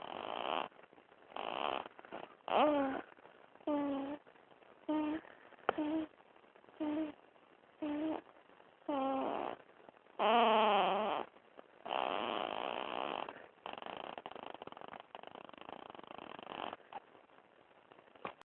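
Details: A sleeping newborn girl, not quite 3 weeks old, makes repeated short snoring and snorting breath sounds, some squeaky and voiced; infant snoring.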